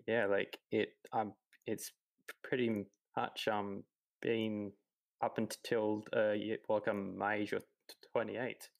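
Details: 28-year-old man who has stuttered his whole life, since about age three; stuttering.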